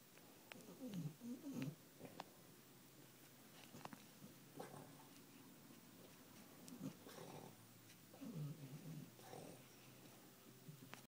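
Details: Snoring from Millie, persistent.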